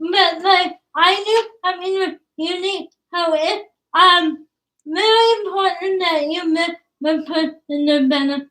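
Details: Woman about to turn 20 with cerebral palsy, speech difficult to understand, father notes trouble with plosive sounds such as p and b; dysarthria (cerebral palsy).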